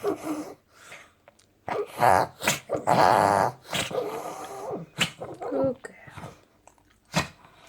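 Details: Small female dog reverse sneezing before anabolic steroid treatment: rapid, loud, rattling snorts as air is pulled in sharply through the nose.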